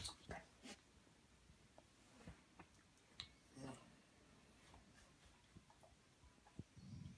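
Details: Relaxed Rottweiler dog sneezing in a quiet room: a brief, sharp nasal burst followed by soft rustling as the dog rolls over.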